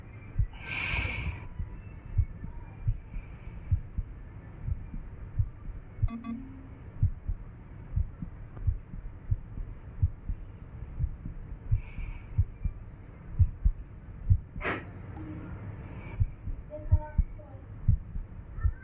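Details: Low, pounding heartbeats with uneven spacing between beats: a fast, irregular heartbeat.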